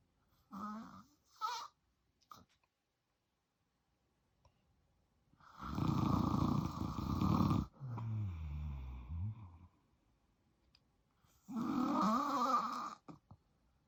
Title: FILMING MY DAD SNORING AND MOVING BACK IN WITH HIM (I WAS SO HAPPY!) ENJOY! 😂